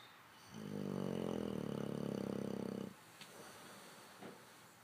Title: English bulldog snoring